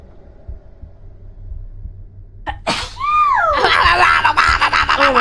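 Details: A quiet lead-in, then a sudden sneeze with a voiced cry and loud overlapping reaction noise; a streamer who says she has been sneezing sneezes during a live stream; sneezing.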